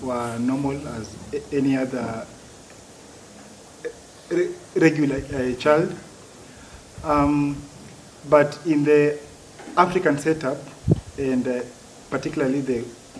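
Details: Adult man who has stammered since childhood, for as long as he can remember; stuttering.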